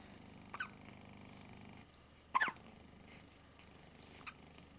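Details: Infant with frequent hiccups, about 10 times a day, sometimes during bottle feeding: three faint, sharp, brief hiccups at irregular intervals over steady room noise.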